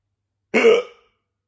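A single abrupt voiced gulp with a sharp onset that fades quickly, typical of a hiccup.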